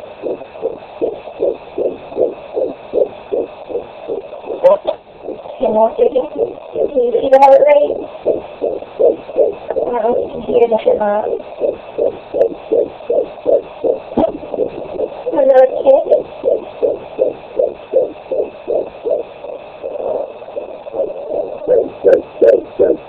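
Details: Fetal Doppler at 18 weeks of pregnancy: rapid regular whooshing fetal heartbeat about 136 per minute with a few louder kick thumps; normal fetal heartbeat.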